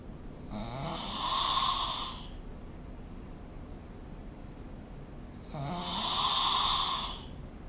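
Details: Snoring recorded during sleep with the SnoreLab app: two long, harsh snores on breathing in, a few seconds apart, over steady room hiss; adult snoring.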